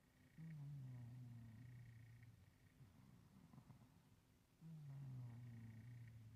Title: old man cat snoring 😻